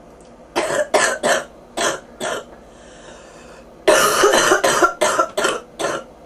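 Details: Person with bronchitis and fever, ears popping, two bouts of harsh, repeated coughs, about a dozen in all; bronchitis cough.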